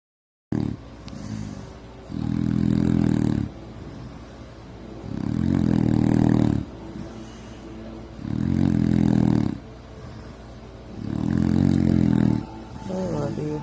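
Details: Man filmed at night by his wife, snoring worse than normal since surgery because he can't find comfortable sleeping positions: loud, low, rumbling snores on each in-breath, about 20 a minute, quieter out-breaths between.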